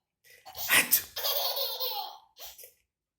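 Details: A sharp, explosive sneeze-like burst, then at once a baby's bubbly laughter in response to the sneeze.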